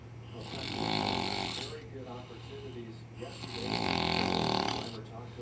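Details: Imitation of snoring like a pig, done by a friend after a night of drinking in Las Vegas: two long, loud, rattling snore-like breaths with a steady hum behind them.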